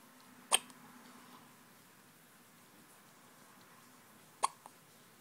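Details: A person with an attack of the hiccups: two crisp, sudden hiccups about four seconds apart in a quiet room.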